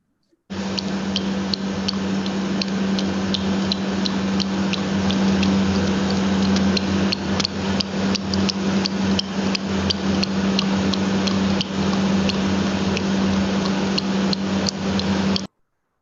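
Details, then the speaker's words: Young patient with 2–3 years of ear clicking and bilateral tinnitus: rapid repeated sharp clicks, about 170 a minute, over a steady hum, from palatal, posterior tongue and pharyngeal wall contractions; idiopathic palatal myoclonus. "So as you can hear a clear cut clicking sound coming from the repetitive contraction of the palatal muscles as well as posterior part of the tongue and pharyngeal wall is involved."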